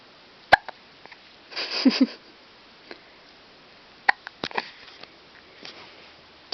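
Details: Infant with hiccups: several short, sharp hiccup sounds with quiet pauses between and a small fussy vocal sound.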